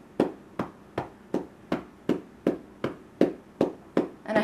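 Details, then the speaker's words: Cupped-hand chest percussion on a girl's chest during home chest physiotherapy, timed session: steady hollow resonant clapping at about 80 per minute, not flat or dull, neither too hard nor too soft. "And you want to be able to hear a percussion sound. You don't want to hear a flat sound. You don't want to hear a dull sound. So it's going to sound like this."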